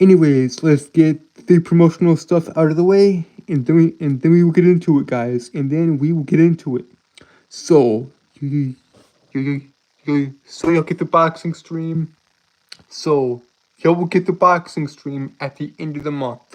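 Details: Adult male streamer with a self-reported speech impediment that makes him stutter and trip over his words; audible repetitions; stuttering.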